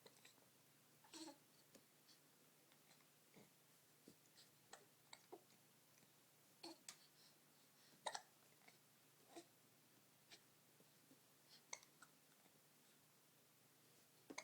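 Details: Twin babies with hiccups: soft, brief, sharp catches at irregular intervals, about a dozen in fourteen seconds, in a quiet room; infant hiccups.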